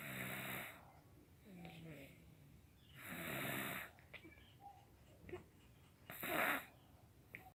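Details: Snoring: three loud, rough snores on in-breaths, roughly 20 a minute, with quiet breathing between.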